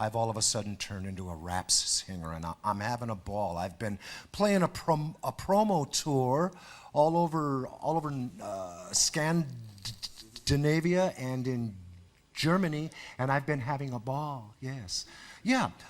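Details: 52-year-old man, a jazz player turned rap singer, who describes himself as a person who stutters; stuttering.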